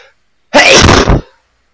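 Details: Acted sneeze from a TV drama scene (Breaking Bad): one loud, explosive, hissing sneeze lasting under a second.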